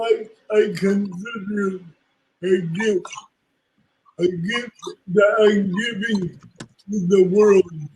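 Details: Woman with cerebral palsy speaking in an interview; dysarthric speech in cerebral palsy.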